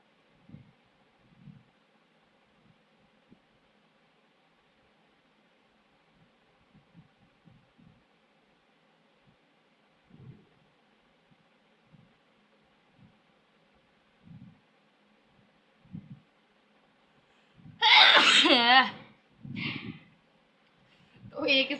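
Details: About three loud, sharp sneeze bursts from an adult woman after a quiet stretch of soft handling thumps, in a sneezing challenge.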